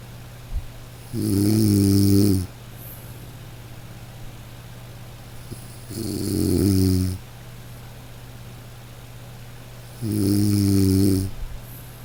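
Three long, low, rattling snores about 4 seconds apart, roughly 13 a minute, over a steady hum, with quiet breathing between them.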